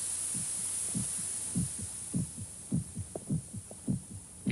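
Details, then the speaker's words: Low, regular paired thumps at about 100 beats a minute over a faint steady hiss; a human heartbeat heard in a soundproofed room built to study the ear's sensitivity. "protected from outside noise one can hear things he never heard before the sound of air molecules beating against the eardrums the sound of the heart pounding against the"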